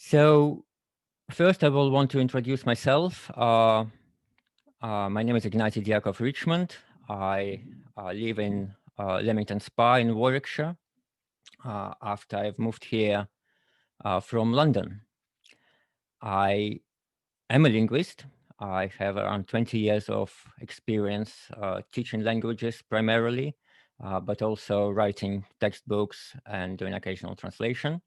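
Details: Adult man who had tongue cancer five years earlier, leaving his tongue altered; altered articulation after tongue cancer (glossectomy-type speech).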